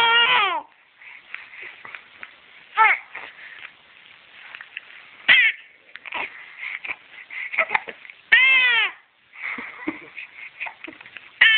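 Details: 9-week-old infant girl with hiccups, repeated short high-pitched cries and fussing with small catches between them; infant crying, a tantrum over the hiccups.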